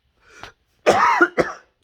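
A soft throat sound, then two or three short coughs from an unwell adult.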